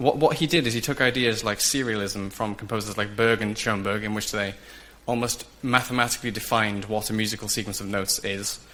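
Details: Adult male speaker, presentation; Ordinary fluent speech.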